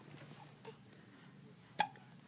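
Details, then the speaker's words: Baby awake at night with hiccups: a single short, abrupt hiccup stands out against quiet room noise. "oh oh oh somebody's got the hiccups"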